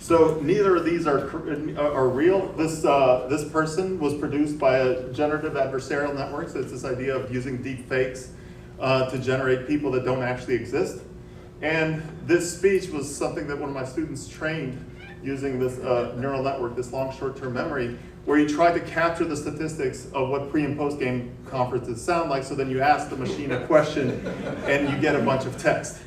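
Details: Adult man; typical speech.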